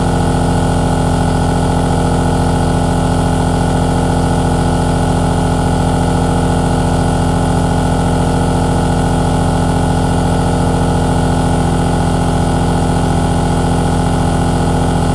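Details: Aerosol nebulizer compressor running continuously: steady, low mechanical hum with a fast, even pulsing throb.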